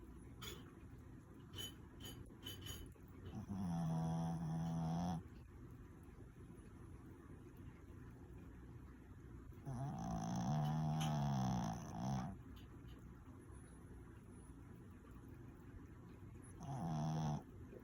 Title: snores